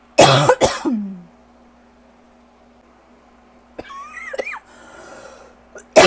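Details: Dry cough from an adult with asthma and allergies, likely worsened by lingering bronchitis: two harsh, dry coughs, then quiet room noise and a final cough burst.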